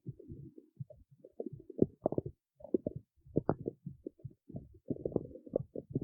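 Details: Irregular low gurgles, squelches and rumbling bursts with short pauses, recorded in the city: ordinary stomach growling (borborygmi).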